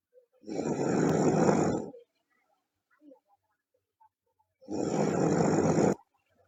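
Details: A girl snoring loudly: two long, rough inhaled snores about four seconds apart with quiet pauses between.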